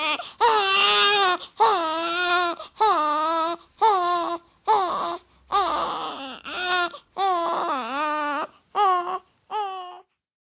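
Repeated loud newborn cry bursts with strong pitch and brief breath pauses, about a dozen cries.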